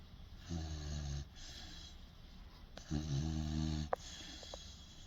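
Two low, vibrating snores on the in-breath, with soft breathing between them, from a young dog.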